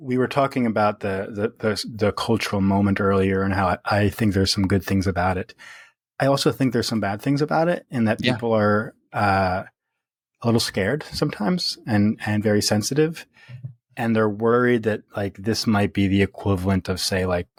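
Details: Adult man who stutters, speaking naturally in a podcast interview; stuttering.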